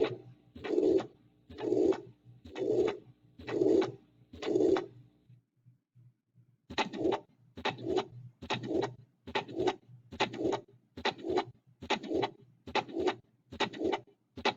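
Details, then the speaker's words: Khan Academy teaching examples of various heart murmurs played in a cardiac assessment lecture: regular heart cycles with a drawn-out whooshing sound over each beat; heart murmur. "all right so that's an example of all those different murmurs again you're not expected to diagnose these but know if you if they have a murmur you should be able to hear it or something is new"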